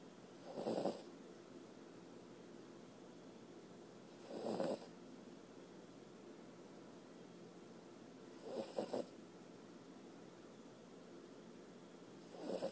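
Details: Snoring from Mocha, a sleeping pup: soft, rhythmic rattling breaths about every four seconds, roughly 15 a minute; snoring.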